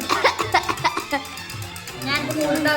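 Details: Nine-month-old baby girl imitates a cough on hearing one: several short, light, cough-like bursts over background music, a voluntary fake cough rather than a cough from illness.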